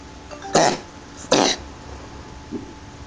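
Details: Cat (Lexi) coughing; two short, harsh cough bursts a little under a second apart, followed by a faint small sound.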